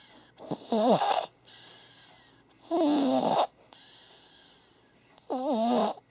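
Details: A sleeping baby makes three rising-and-falling, whistly, voiced breathing sounds about 2 seconds apart; infant snoring.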